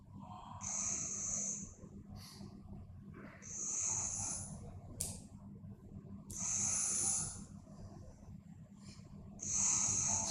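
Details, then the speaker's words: Home sleep video of a sleeping child: harsh, snorting snores with each breath, about 20 a minute, a clear obstructive pattern; obstructive sleep apnoea. "So, here the home sleep video. So, there's a clear, you know, obstructive feature."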